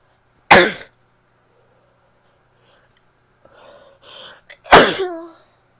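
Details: Two sharp, forceful sneezes from a female, separated by a few seconds of quiet breathing and small vocal sounds.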